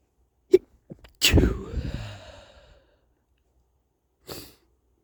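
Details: Male with a stuffy nose: sharp intake, then a single loud, wet, congested sneeze trailing into a sigh and a quieter sniff; sneeze.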